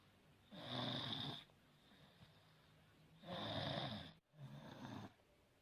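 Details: Baby snoring; repeated rough, rattling breath noises a few seconds apart in a quiet room.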